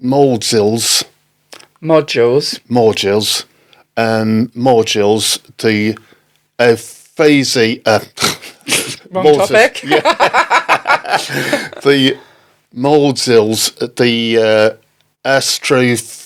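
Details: Post-stroke aphasia in an adult man, stroke in October 2019, which he attributes to Broca's area involvement; word-finding difficulty with naming struggles.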